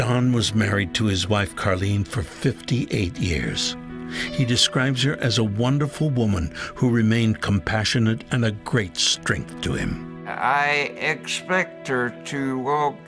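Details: Adult male narrator, then a second adult speaker; Ordinary speech.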